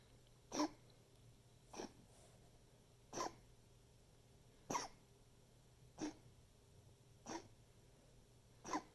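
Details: Seven short, sharp coughs spaced a second or more apart over nine seconds in a quiet room: a pet's recurring coughing fit, recorded to show the vet.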